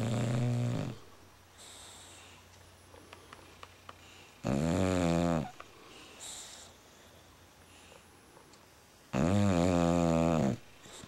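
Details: Loud, rough, rattling snores at about 13 breaths per minute, with quiet pauses between: snoring in a sleeping female dog.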